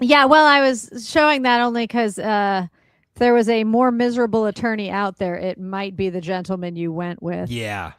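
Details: Adult speaker, possibly a second voice at the end; normal speech.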